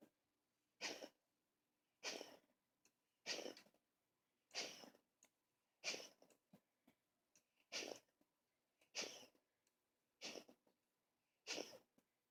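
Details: A 17-year-old Maine Coon mix cat recently diagnosed with hypertrophic cardiomyopathy and congestive heart failure with fluid in the lungs gives a run of about nine short, harsh coughs, roughly one per second.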